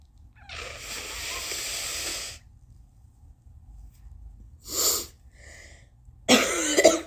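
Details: Long rushing nose-blow followed by two short, harsh, involuntary coughs; cough during nose-blowing.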